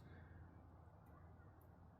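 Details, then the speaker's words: A long, low, rumbling belch of about two seconds from an adult talking on camera, who then apologizes for the long burp. "I got a burp, sorry. Sorry, you didn't want to hear that. That was a long burp."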